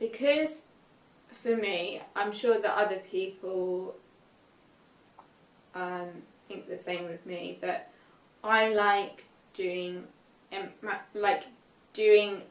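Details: Young woman with aphasia after a stroke at age 18, five years post-stroke, reading aloud an unseen text with difficulty, word errors and self-corrections; aphasia.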